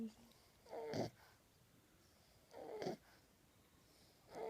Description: 10 week old french bull dog puppy asleep snoring with his tongue out.